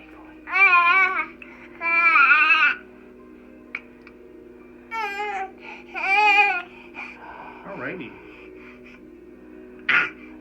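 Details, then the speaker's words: Several rising-and-falling crying bursts, with soft background music, from a 6-month-old boy with severe torticollis since 3 months of age, upset as his neck muscle is pressed during a Gonstead chiropractic adjustment. "upset at me when I start pushing on his muscle a little bit hang in there"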